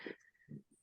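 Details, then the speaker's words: French bulldog lying beside her owner and snoring loudly in the background; she keeps snoring despite being stroked to make her change position. "If you can hear in the background sound of snoring, is Sheila. It's a French bulldog. She's laying next to me because I love her very much, and she snores."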